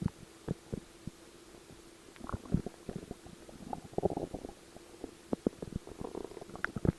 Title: Stomach Growl